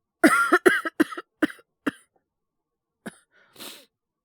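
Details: Acted cough (simulated) by a male voice actor playing a boyfriend with a cold and high fever: a run of five voiced cough bursts, then a short cough and a breathy exhale.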